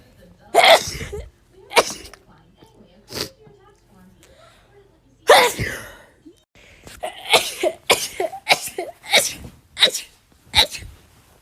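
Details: Compilation of one person's rapid sneezes, after they describe nose pain and an urge to sneeze: about ten sharp, explosive sneezes, some in quick runs, ordinary sneezing.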